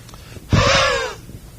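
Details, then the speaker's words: Lecturer's vocal imitation of wheezing: one drawn-out, high-pitched, musical whistling breath, contrasted with stridor (coarser upper-airway wheeze), in a case of allergic reaction with chest tightness, facial swelling and no stridor. "what is Strider well we all know what wheezing is it sounds like this when you listen to the"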